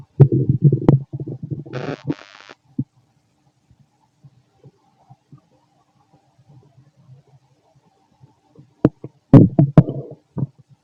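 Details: Fit male, stomach growling while digesting, very loud: loud, irregular gurgling and rumbling bursts with quiet gaps; ordinary bowel sounds (borborygmi) during digestion.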